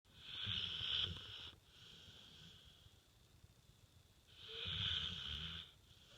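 Two long, rough, hissing breath sounds with a rattling low buzz, a few seconds apart: snoring.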